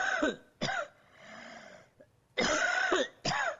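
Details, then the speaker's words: Harsh, barking, dog-like cough, typical of viral infection near the larynx and vocal cords, mainly seen in laryngitis (croup). "기침 하나만 본다면 일단 특징적인 것이 후두, 그 성대 근처에 바이러스 감염이 있으면 우리 개 짖는 소리 같은 컹컹거리는 기침을 하게 됩니다."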